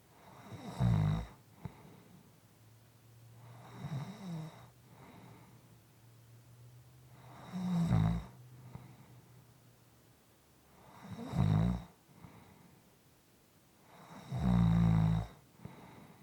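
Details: Soft, quiet snoring, low snores recurring about every three to four seconds with quieter breaths between, from a 6 1/4 minute recording.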